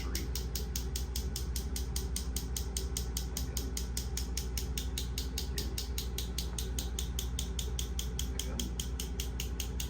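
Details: Focused shockwave therapy on the hamstring of a female marathon runner injured mid-race while she actively moves and loads the tissue: steady rapid tapping pulses, about 150 a minute, like a small jackhammer.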